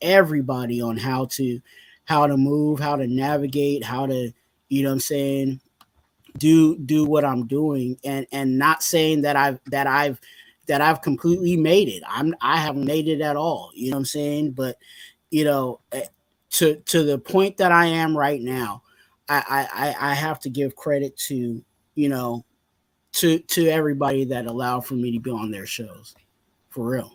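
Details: Stuttering in an adult male, severe in childhood and now milder but still slightly present in his speech.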